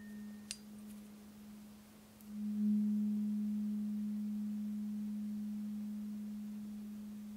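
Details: Simulated ASMR audiologist hearing-frequency role-play: tuning fork number six of eight is repeated at one ear to compare with the other side. A soft strike, then a pure low steady tone that slowly fades.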